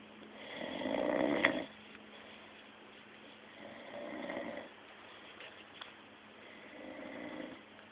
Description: is snoring he he